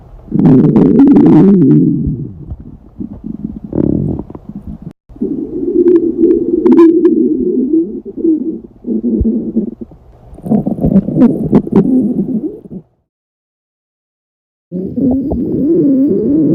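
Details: Long, loud gurgling and rumbling stomach growling (borborygmi) in repeated bouts, from someone with a stomach ache during class, echoing through the classroom.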